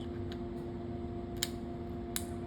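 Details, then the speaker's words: Short crisp clicks as the cable connector of a DEKA CO2 surgical laser is pushed straight in and locks into place, over a steady equipment hum; laser connector click. "Click. Good to go. When you're ready to remove that ring, just pull straight up and it will come out effortlessly."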